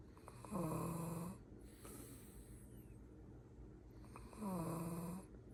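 Low, rattling snores on each breath in, with quieter breaths out between them; ordinary snoring in sleep.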